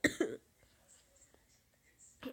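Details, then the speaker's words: Two quick coughs, near silence, then another brief cough onset from someone sick over winter break; cough during illness. "yeah I'm kind of sick so we'll be coughing a little bit in this video I've been sick over my winter break pretty much"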